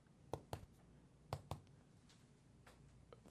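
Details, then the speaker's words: Chest percussion during a lung exam measuring diaphragmatic excursion: moving upward, the note stays dull until the resonant point is reached while the patient breathes; resonant percussion note. "now we're going to come up it should be dull until we find our resident point which is right there"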